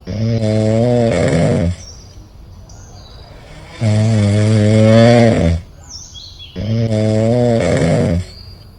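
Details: Monkey snoring: three long, loud, buzzing snores with quiet gaps between them, about seven breaths a minute.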